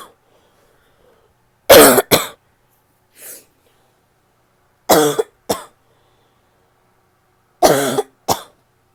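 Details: Harsh, loud barking cough in three bouts, each a strong burst followed by a shorter one.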